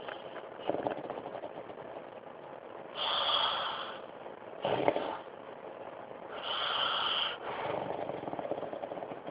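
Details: Harsh, rattling snores with noisy breathing between, about four breath sounds in nine seconds, loudest on inhaling; snoring.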